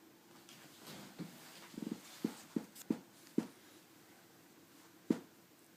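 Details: Chihuahua with hiccups after eating too fast, sleeping under a jacket: a string of soft, abrupt clicking hiccups in a quiet room.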